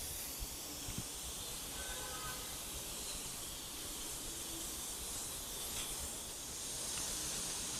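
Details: Ayurvedic panchakarma steam fomentation (swedana) for back, waist and neck pain: steady soft hiss of steam from a therapy steamer.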